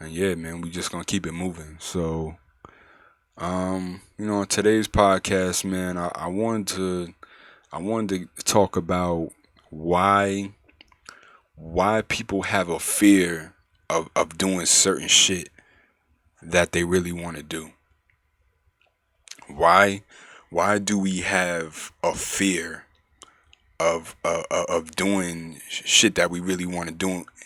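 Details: Adult man who stuttered severely from childhood through high school, had therapy and mostly outgrew it, still stutters when nervous; word repetitions; mild stuttering.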